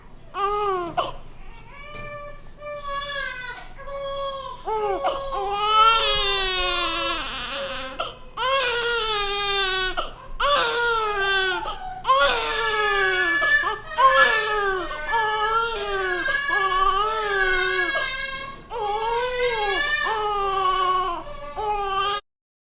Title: New born baby cry | oohinta cunug dhashy.